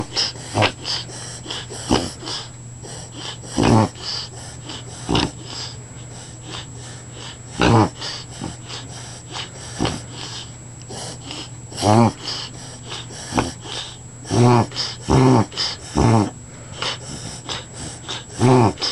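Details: A dog makes repeated loud, honking snorts, pulling air sharply inward, in an episode later checked by a vet and found fine; reverse sneezing.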